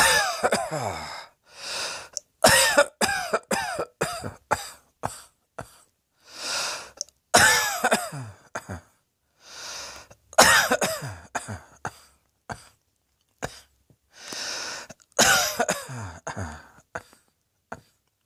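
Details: Person lounging on a bed, belly heaving: repeated bouts of harsh, forceful coughs with sharp gasping breaths in between, about a dozen bursts in total.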